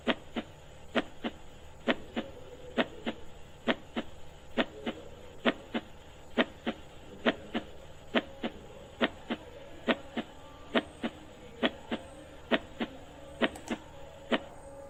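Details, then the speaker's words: Normal heart sounds in a school zoology class demo: regular paired sharp beats at about 67 a minute, lub from tricuspid and bicuspid valve closure and dub from semilunar valve closure. "now see here the first sound which is sound you hear the first time that is a love sound it is due to the closer of tricuspid and bicuspid valves"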